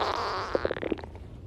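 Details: Girl's stomach growling: a drawn-out gurgling groan slides downward, then breaks into a quick run of bubbly pops, ordinary borborygmi.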